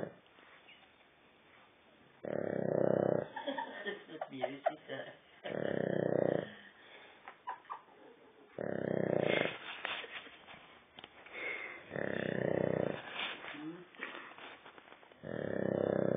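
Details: Friend's dog snoring, with loud, rough snoring breaths about every three seconds and snorts and small grunts between them; snoring.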